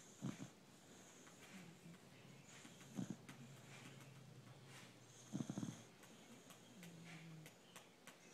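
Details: A beagle lying on its owner and snoring: soft snuffling snores with faint whistles, recurring every few seconds over steady room noise.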